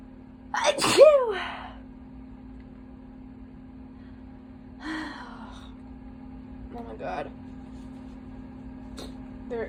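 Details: Person sneezing after holding back sneezes all day, then inducing them to relieve itchiness: a loud wet sneeze followed by a few smaller sneezy bursts over a steady background hum.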